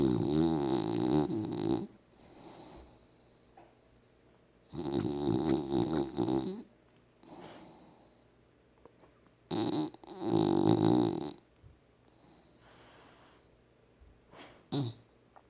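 Three loud, rattling snores on the in-breath with softer out-breaths between, about 12 breaths a minute; snoring during sleep.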